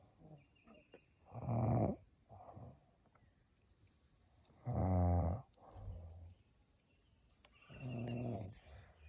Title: momma bear snoring 😑